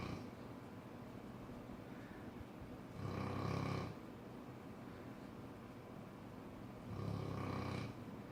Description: Cane corso snoring